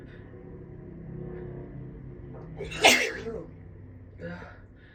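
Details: Allergy sneeze in a female: quick intake of breath, then a single loud sneeze, followed by a soft voice.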